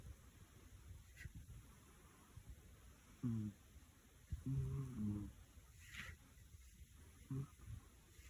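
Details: Cat snoring while napping: soft, low rumbling snores in short bursts with each breath over quiet room noise.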